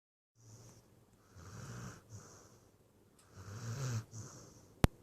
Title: Snoring scrappy